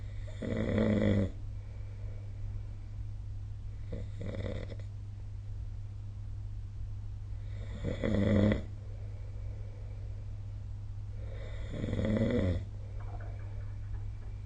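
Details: Sleep snoring recorded with the SnoreLab app: loud rattling snores on each breath in, about four a minute, over a steady low hum.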